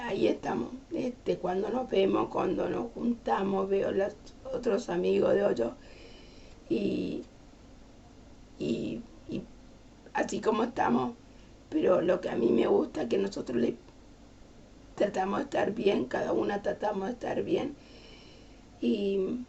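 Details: Adult woman with aphasia as a sequela of a stroke some years earlier, speaking Spanish in her own words.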